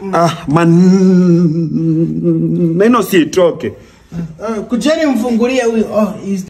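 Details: Adult male, acted comedy performance; stuttering (acted).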